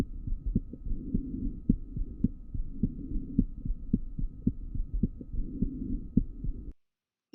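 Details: Physiological splitting of the second heart sound.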